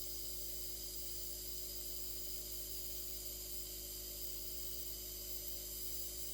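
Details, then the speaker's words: Baby on home oxygen receiving nebulizer treatment (about five minutes) given without covering the nose: steady mechanical hum with constant airy hiss as medication turns to a fine mist. "and this just turns into like a like a steam you can find this like a fine mist"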